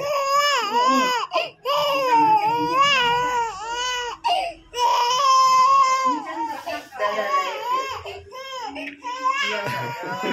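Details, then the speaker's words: Loud, rhythmic infant crying with long wailing bursts and brief gasps; distressed cry after ear piercing with a piercing gun, both ears; adult voices faint in background. "Udah. Dia nangis."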